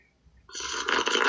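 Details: An adult man sleeping on an unmuted Skype phone call, recorded remotely. After a brief quiet moment, a loud, rough, rattling noise rises on an inhaled breath: heavy snoring.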